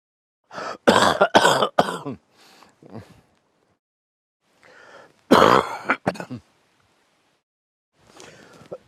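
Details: Two bouts of several short, voiced coughs with throaty clearing and quiet pauses between, from a man coughing during sleep.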